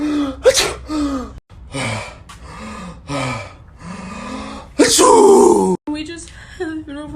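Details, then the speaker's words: A run of varied sneezes from a person who felt one coming: several short explosive bursts with gasping intakes and voiced sounds. "oh hold on one second guys i i feel a sneeze coming hold on"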